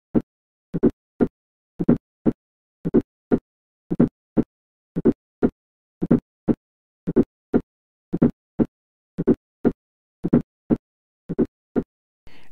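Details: Teaching recording: slow, regular heartbeat with a soft extra sound just before S1, best heard at the apex: fourth heart sound (S4).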